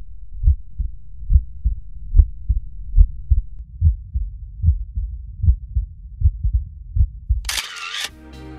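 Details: Cardiac auscultation teaching demonstration over valve auscultation foci: regular low heartbeats about 70 a minute; second heart sound audibly split, first single.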